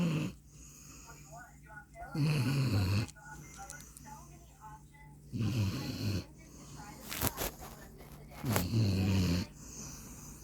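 Loud, low, rough snores at roughly 19 a minute with quieter breathing in between; ordinary snoring in a sleeping dog.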